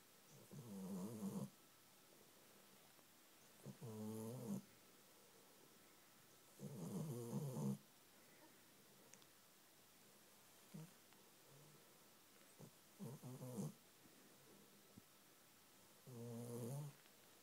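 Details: Pet asleep on owner's knee snoring: six rattling snores over about 17 seconds, roughly 20 breaths a minute, separated by quiet pauses.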